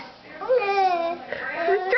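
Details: A 12-week-old infant with hiccups gives a short, whimpering cry that wavers in pitch over about two seconds.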